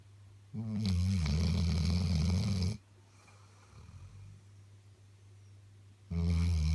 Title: Snoring Labrador